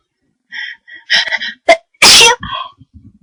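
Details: Person induces sneezes at home after a nose tickle all day that wouldn't produce a sneeze; they think they've caught a cold. Short breathy, high-pitched buildup gasps, then a sharp explosive sneeze and a trailing breath.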